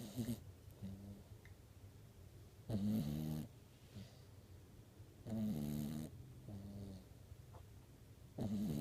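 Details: Dog sleeping like a human and snoring; loud rattling snores on each breath with softer nasal whistles between, about 23 a minute; dog snoring.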